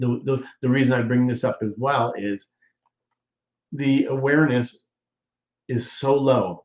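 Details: Adult man, apparently a stroke survivor, with aphasia; he presents ongoing talking as therapy for his aphasia, and a viewer notes improvement; aphasia.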